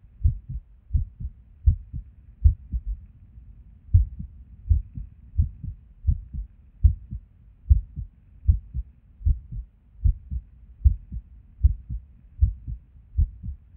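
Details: Resting heart sounds recorded at Erb's point while sitting at a desk, often skippy: muffled lub-dub about 75 a minute with uneven rhythm and occasional pauses, an irregular heartbeat with skipped beats.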